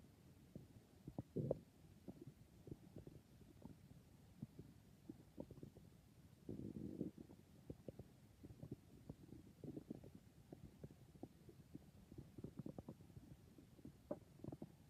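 Irregular low gurgles, pops and rumbles from the belly, with short quiet gaps; normal stomach growling from gas and fluid moving.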